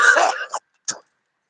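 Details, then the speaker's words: Productive cough in an adult man with a chest cold bringing up phlegm, who thinks he needs antibiotics and wonders about pneumonia: a harsh, loose-sounding cough burst followed by a short throat-clearing sound. "I got a chest cold here. I have phlegm coming up. Bad cough again."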